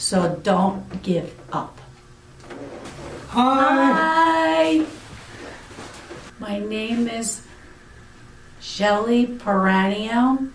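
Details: Aphasia in an adult woman following a stroke about eight years earlier.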